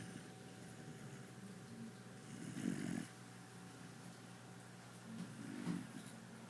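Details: Puppy snoring: two soft, rough breathing noises over a steady room hum, light snoring.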